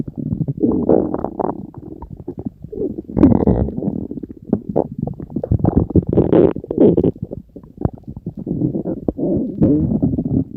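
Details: Stomach growling (borborygmi): continuous loud gurgling, bubbling and growling from the belly.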